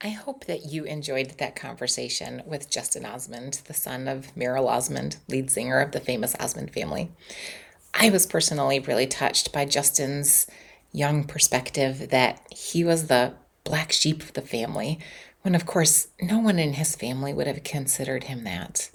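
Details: Adult speaker; normal speech.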